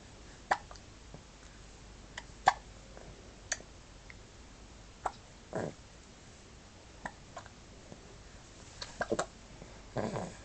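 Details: Hiccups: brief, sharp hiccup bursts recurring every second or two in a quiet room.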